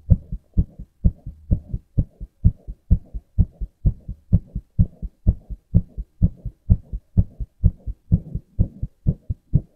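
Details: Male heartbeat from a recorder app: regular paired heart sounds at about 64 beats a minute, each lub followed closely by a dub; steady heartbeat.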